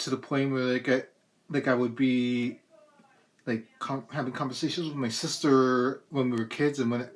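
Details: Adult with cerebral palsy and a speech impediment as a complication of it, persisting despite speech therapy through elementary, middle and high school; dysfluent speech in cerebral palsy.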